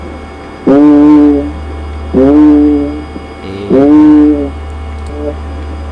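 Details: Three sustained, muffled vowel sounds heard through the chest stethoscope over a steady low hum, with 'e' coming through as a nasal 'a' during vocal resonance testing: egophony, increased vocal resonance.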